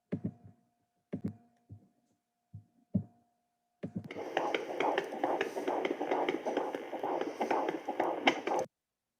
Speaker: mrs buffin's baby is growing really well and she got to hear the heartbeat so just for you viewers we've got a little clip of that baby's heartbeat